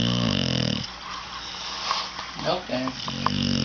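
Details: Pet dog (puppy) sleeping: loud, buzzing, rattling breaths in and out with brief pauses; snoring.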